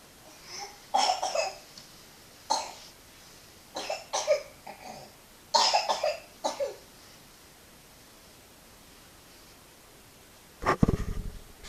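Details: A cough: bouts of repeated hacking coughs, two or three per bout, over a steady background hiss, ending in a louder rough cough. The cough becomes more worrying around 2 minutes 20 seconds.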